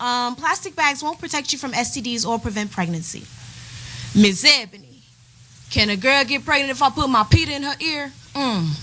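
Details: Adult woman speaking; ordinary speech.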